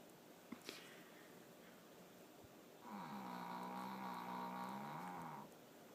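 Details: Snoring from a sleeping female dog: one long, buzzy, rattling breath sound, steady over about two and a half seconds, described as a weird snoring sound.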